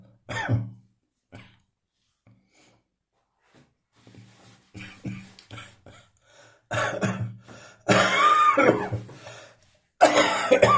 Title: Cough much dryer now.